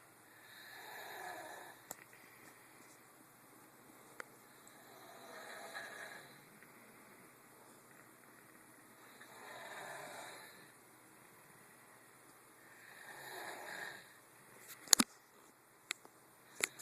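Slow, regular, raspy breaths in a quiet room come about every four seconds, near 14 a minute, with a few clicks near the end: snoring.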